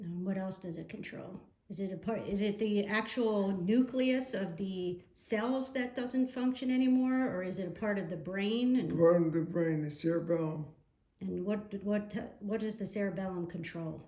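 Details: Adult woman speaking; ordinary speech.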